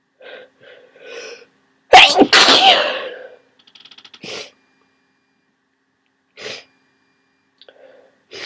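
Quick breaths build up, then one loud explosive sneeze follows, then softer sniffs and breaths. A forceful sneeze during a cold.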